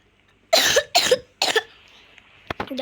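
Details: Three short, forceful dry coughs in quick succession, then faint clicks and a soft voice; the speaker says they have a cough.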